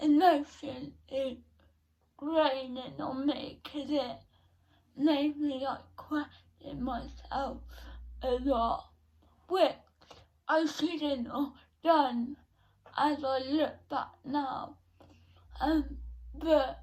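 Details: 17-year-old female with cerebral palsy since birth, diagnosed at 14 months, which she says affects her speech; speech therapy from an early age; dysarthria.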